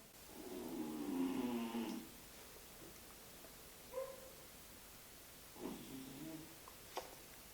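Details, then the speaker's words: Cat sitting beside her owner snoring, a drawn-out rumbling, buzzy breath in a quiet room, then softer, shorter snorts and a click. "That's my cat. She's sitting next to me and she's snoring."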